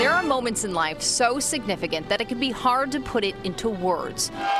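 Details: Adult female reporter; normal speech.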